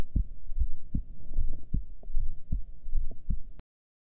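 Low, steady paired heart thumps at roughly 75–80 beats a minute, recorded during a held breath with no breath noise.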